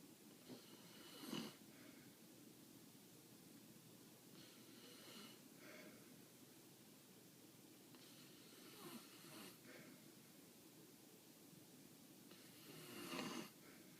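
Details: Puppy snoring while asleep: soft, snuffly breaths with faint snorting repeating every few seconds over steady room hiss.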